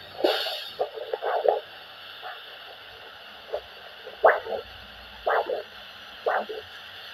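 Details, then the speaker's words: Normal multiphasic arterial Doppler signal over the dorsalis pedis artery, handheld Doppler probe at about 45 degrees to flow, during a foot vascular assessment OSCE; rhythmic whooshing pulses at about 60 per minute with several phases per beat. "here we can hear a normal multi-physic sound that's being produced"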